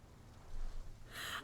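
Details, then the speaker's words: A single sneeze into a microphone, heard loudly through headphones: a brief indrawn breath, then a sharp, hissing burst of air over low room rumble. "sorry if that sounded so loud to y'all. Thank you. I sneezed into this mic and it went back to my headphones, so it sounded really loud to me."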